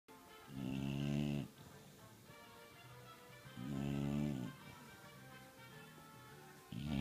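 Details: Dog snoring while asleep: loud rattling snores on each in-breath, about 20 a minute, with quiet out-breaths between.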